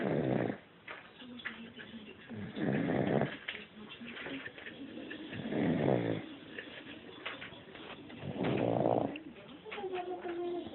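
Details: Dog snoring in its sleep: soft, rhythmic snuffling snores at about 20 breaths a minute over faint room noise.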